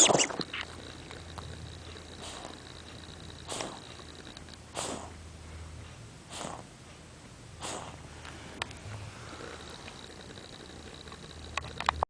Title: Coughing